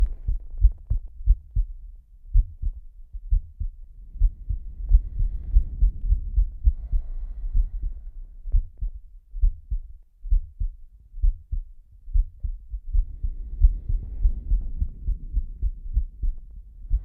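Deep, steady heartbeat thumps at an unhurried pace, with slow swells of heavy breathing rising over them.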